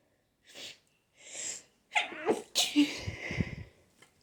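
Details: Sneeze attack with spring allergies: two soft in-breaths, then a building inhale and a loud explosive sneeze with a trailing breathy release, along with nose blowing; allergic sneezing.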